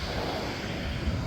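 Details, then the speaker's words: ResMed AirSense 10 CPAP set to pressure 4 produces a loud, steady rushing blower noise, delivering maximum pressure because auto mode fails: CPAP machine running at excessive pressure. "কিন্তু যখন আমি এটা on করতেছি কিন্তু এটা pressure দিতেছে huge. আপনারা শব্দেও বুঝতে পারবেন।"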